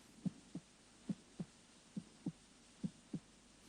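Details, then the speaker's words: Normal heart sounds heard at the cardiac apex during a teaching demonstration of heart auscultation: clear, regular paired lub-dub beats at about 69 a minute, with distinct first and second sounds. "a osculation of the heart begins with listening to the Apex to distinguish the first sound from the second"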